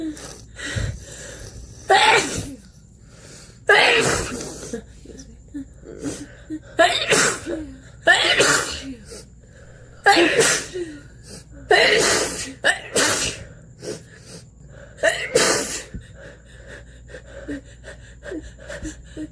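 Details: A person with their nose up close to the camera gives about eight sharp, forceful snorting sneezes, each followed by short grunts and sniffs; repeated sneezing.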